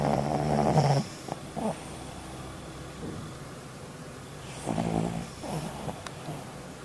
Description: How to stop anyone from snoring